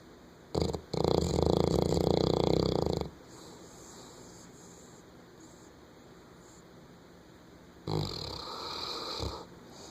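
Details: Female Saint Bernard dog snoring, lighter than her usual snoring, wakes herself up: loud, deep rattling snores lasting a few seconds, separated by quiet pauses.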